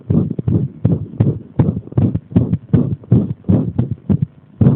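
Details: Irregular heart rhythm provoked by applying pressure, heard as heart sounds: loud beats with uneven spacing, some closely paired and others delayed.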